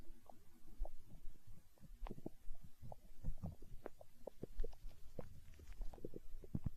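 Quiet low rumbles with scattered gurgles and squeaky bubbling sounds; ordinary stomach growling.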